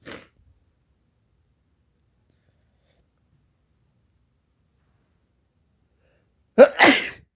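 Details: Near silence, then one loud explosive sneeze with sharp intake and burst, deliberately induced with black pepper, one of a series of sneezes; pepper-induced sneeze.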